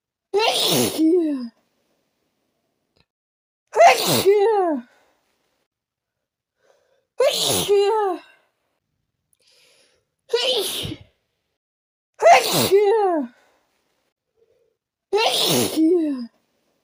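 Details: Sneezing fit induced by taking chhinkni (sneezing) powder: six loud, forceful sneezes a few seconds apart, each with a sharp inhale and explosive release, amid snorting and nose blowing.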